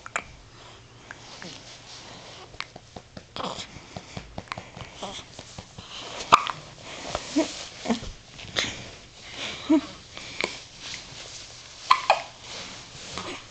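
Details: Newborn baby, only a few days old, with hiccups: repeated short, abrupt gulping hiccup sounds at irregular intervals, with room noise in the background.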